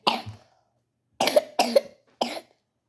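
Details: Coughing while reading a story aloud: four short dry coughs, one alone then a quick run of three; plain cough.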